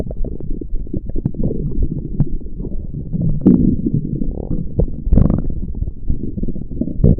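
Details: An adult's stomach gives low, continuous gurgling and rumbling with bubbly pops and a few louder surges. Stomach growling (borborygmi).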